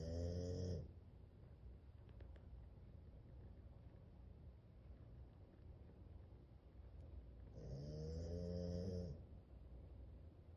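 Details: Pet in deep sleep snoring: two slow, low, buzzing snores about seven seconds apart with quiet room noise between.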